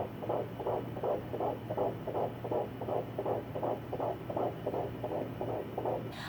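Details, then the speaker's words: Fast, regular whooshing pulses at about 160 per minute: fetal heartbeat found with a home Doppler. "I can find it I put the Doppler on before I even turn it on and sometimes I'll already be on the baby and as soon as I turn it on I'll hear the heartbeat so that's awesome"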